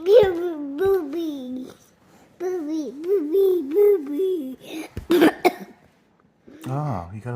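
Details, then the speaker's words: A young child babbles in sing-song sounds, then gives a brief cluster of short coughs in a small room while an adult offers water to help the cough. "got a little cough up yeah if you drink the water I'll help you cough okay"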